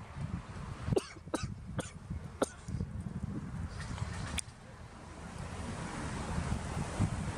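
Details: Adult man coughing outdoors while smoking cigars: about five short, sharp coughs in quick succession over wind noise, consistent with irritation from inhaled smoke.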